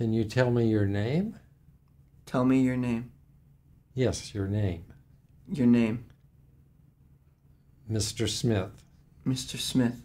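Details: Simulated case of catatonia with schizophrenia, the patient repeating the interviewer's words instead of answering; the interviewer is likely also heard; echolalia.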